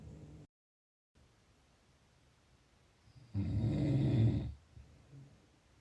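One rough, low, rattling breath sound over a second long in a quiet room; a snore from airway vibration during sleep.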